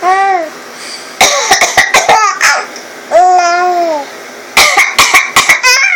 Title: Mommy coughs, baby laughs.